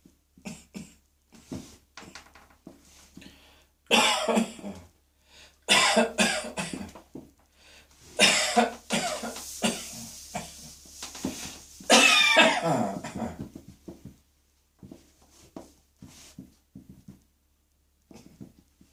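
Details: Adult coughing fit while cross-dressing, rushed to bathroom: repeated harsh bursts building to several loud, rough clusters.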